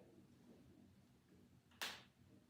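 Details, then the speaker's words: Knee crepitus in an adult yoga instructor bending the knees up and down and making circles: a single sharp, crisp knee click against quiet room noise. "did you hear that that was my knee clicking and a lot of the other poses that we do also will help"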